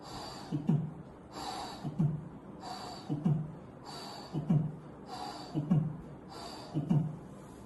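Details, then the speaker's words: Vocal imitation of tricuspid regurgitation: a muffled first heart sound, then a soft whooshing pansystolic murmur, about 48 cycles a minute. "المهم ايه الحاجه اللي موجوده سوفت بان سيستوليك ميرمار وفي اوله مافل فيرست س او"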